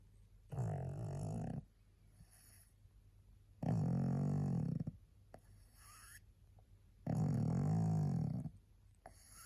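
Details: Tired pug resting, barely able to hold her head up: long, low, rumbling snores evenly spaced at about 18 a minute, with quiet breathing between them; snoring.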